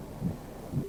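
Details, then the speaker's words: Early fetal heartbeat on ultrasound at 5–6 weeks of pregnancy, embryo about 0.3 cm, rate 106 bpm reported normal: two soft, low whooshing thumps about half a second apart. "근데 이에 지난주 까지만 해도 제가 그냥 아기 집만 확인했을 때 라 약간 심장 뛰는 것을 들은 거랑 느낌이 너무 다른 거예요 그건 진짜 뭐가 살아있는게 내 뱃속에 있는 것 같기도 하고"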